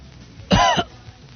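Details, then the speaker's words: A single deliberate adult cough into a radio microphone, one short loud burst with faint room noise around it: voluntary cough. "okay you couldn't hear the second cough could you no not at all one cough without it it's called a cough button"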